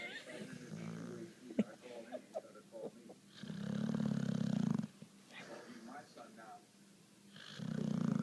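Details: Dog snoring while asleep: loud buzzing snores on two in-breaths, with quieter snuffling between and some room noise.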